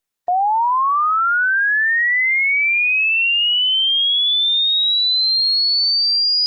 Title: How Old Are Your Ears - Healthy Ear Test - Hearing Test #shorts #health